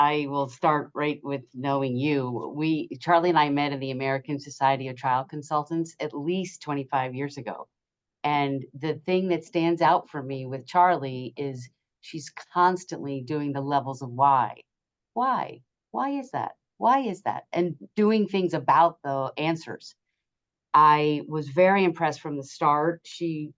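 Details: Adult woman speaking; Normal speech.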